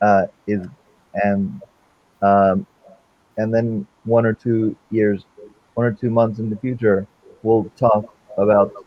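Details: Man with non-fluent aphasia since a stroke during heart valve surgery in 2007; shortly after the stroke his speech was limited to single words; real chronic post-stroke non-fluent aphasia.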